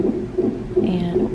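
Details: Rapid, regular whooshing fetal heartbeats on a monitor, about three beats in just over a second, around 145 per minute, at 36 weeks pregnant during an emergency-room visit for a suspected UTI.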